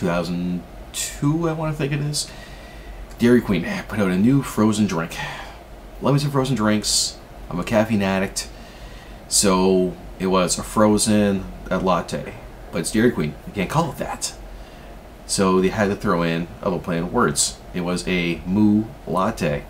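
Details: Adult man who stutters, saying his stutter has progressed since around 2002; stuttering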